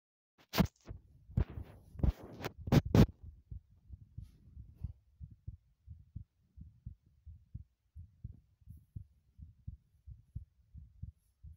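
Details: Heartbeat while running, recorded in a bathroom: a few loud knocks, then a fast, steady run of soft low thumps, about 110 a minute; a quickened heartbeat with exertion.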